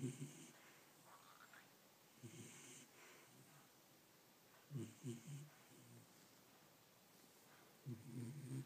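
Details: Pet snoring like a human during sleep: soft, irregular snuffling snores with brief grunting bursts, in a quiet room; snoring.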